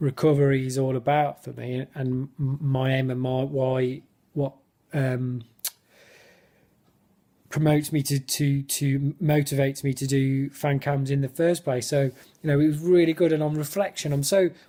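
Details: Adult who stammers, speaking spontaneously in an excited football fan interview where his speech technique lapsed; he notes many blocks and clearly overt stammering; stuttering.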